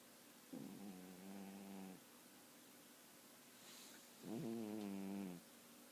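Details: Skitty snoring: two buzzing, low snores of about a second to a second and a half each, with quiet breathing between.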